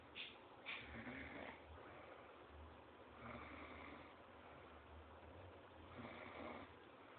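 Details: Baby very asleep: soft, rattling snores roughly every three seconds over low background noise; snoring.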